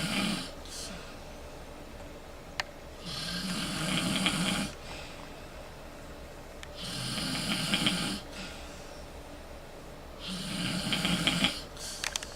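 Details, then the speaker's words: Person in hotel room at night, snoring despite Breathe Right snore relief: loud rough snores on each inhale, about 17/min, quieter exhales over steady low room hum; heavy snoring. "the reason why I can't sleep is someone's snoring Extremely Loud but you you guys tell me if you think this Breathe Right snore relief is working"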